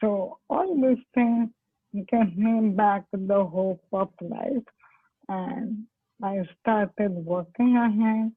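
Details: Woman, a doctor with ALS (motor neurone disease), speaking with dysarthric speech; dysarthria (ALS).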